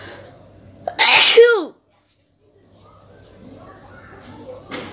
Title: Nose blowing and sneezing with the amount of snot collected(requested video)